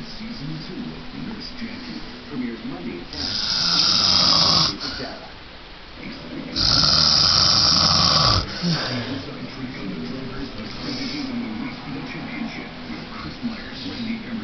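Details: Loud snoring in a sleeping adult man, recorded around 11:30: two loud, harsh, rasping snores, each one to two seconds long, over steady room noise.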